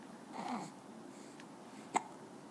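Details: A faint breathy sound, then one sharp, abrupt, click-like hiccup against quiet room noise; hiccup.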